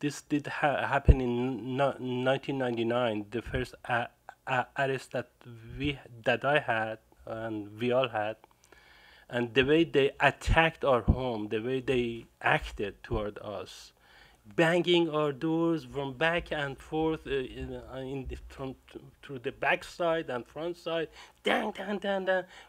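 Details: Adult man whose self-reported stuttering began after a violent home raid and arrest in 1999: stuttering.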